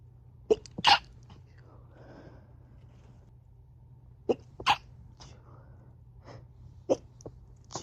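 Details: Several stifled sneezes by a person at home alone, recorded over a few hours in different rooms and stitched together: short, sharp, muffled bursts with quick catching breaths between, held back rather than released.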